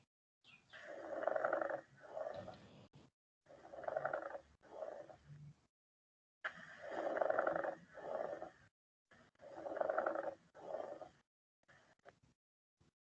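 Coarse, grating creaks repeat with each breath, in paired bursts across both breath phases: a pleural friction rub.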